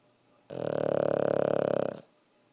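One long, fluttering, buzzy snort on a breath of about one and a half seconds, a loud snore.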